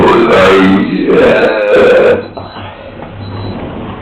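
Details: Burping in the street: loud, long, drawn-out belches run together over about two seconds, then quieter street noise.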